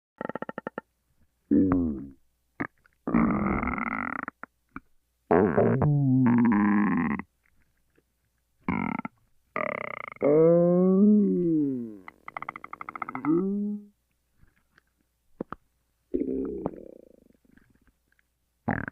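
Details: Ordinary stomach growling: bursts of gurgling, rising and falling pitched rumbles with quiet gaps between, from gas and fluid moving through the gut.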